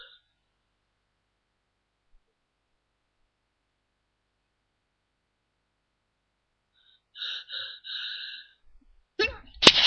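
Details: Person deliberately trying to stifle a sneeze, not very successfully; quiet breathy build-up then a sharp, partly held-back sneeze burst; stifled sneeze.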